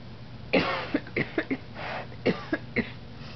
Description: While she was passed out, her mommy records her and then can't stop herself from coughing.